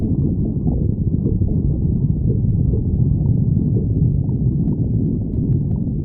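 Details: Stomach growling in an adult woman (girlfriend); bowel sounds (borborygmi).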